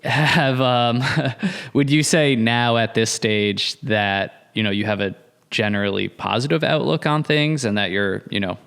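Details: Adult male speaker; normal fluent speech.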